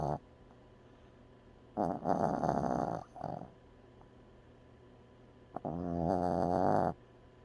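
Loud, rattling, vibrating snores in two bursts over a steady low room hum.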